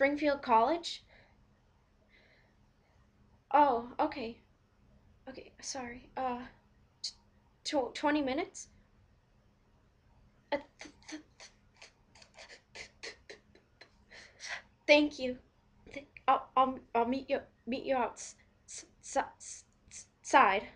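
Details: Acted stuttering: a volunteer playing a person who stutters continues a phone pizza order, with word repetitions and pauses; stuttering (acted).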